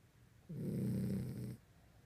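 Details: Pet dog snoring, as it does every night: a single low, rough, vibrating snore lasting about a second against quiet room noise.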